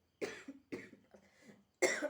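Three short dry coughs, with a fourth louder burst beginning as the clip ends; a simple cough.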